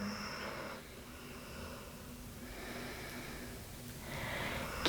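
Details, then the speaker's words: Dog snoring in a quiet room during a home yoga session: rough, noisy breaths recurring roughly every two seconds over a low hum. "breathing here just about two more cycles of breath or two more snores of Teton if you can hear"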